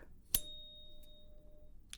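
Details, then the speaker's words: 512 Hz tuning fork struck during a role-played HENT exam before Weber and Rinne hearing tests: a sharp tap, then a faint steady pure tone fading over about a second. "now for the last one we are going to get out the 512 Hertz tuning fork"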